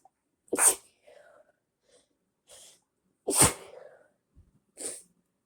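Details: Two forceful sneezes a few seconds apart, each a sharp explosive burst with quieter breaths between, triggered by body spray; sneezing.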